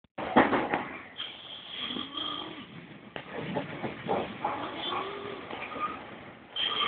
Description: smelly man snoring on a train